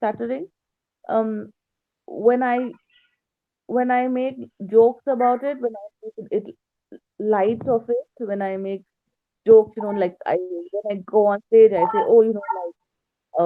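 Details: Stuttering with repetitions in an adult female stand-up comedian with a slight speech impediment since growing up.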